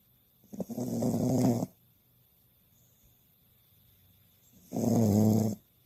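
Two long, rattling snores on breathing in, with a quiet pause between them: a sleeping dog snoring.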